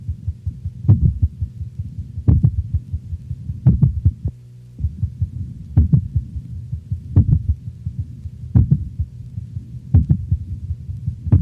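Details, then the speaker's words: Dog heard over the mitral valve area: loud, slow ventricular beats near 40 a minute, with fainter, faster, low-frequency atrial sounds between them from two independent rhythms, demonstrating complete heart block. "listen carefully for the lower freaky atrial sounds occurring between the louder but slower ventricular contractions of complete heart block"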